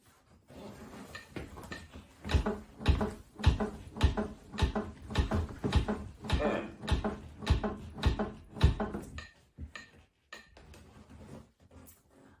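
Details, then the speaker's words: Simulated CPR training demonstration: after the AED delivered a shock, regular chest compressions thump at about 100 a minute, paced by the AED's metronome prompt while awaiting paramedics. "It's now beating out the rhythm, it's counting for us, so all we've now got to do is follow the instructions and wait for the paramedics to arrive."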